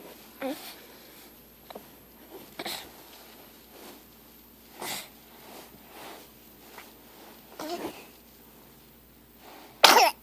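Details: Cat with the same recurring coughing/choking fits for 3 months: a run of short, harsh, sneeze-like coughs in a quiet room.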